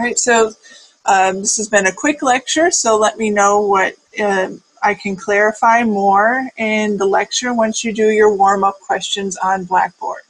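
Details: Adult woman speaking; Normal speech.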